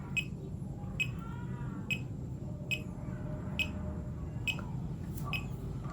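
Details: Fingertip pulse oximeter beeping with each pulse during a blood oxygen comparison with a smartwatch, SpO2 reading 97: steady high-pitched beeps at roughly 68 a minute.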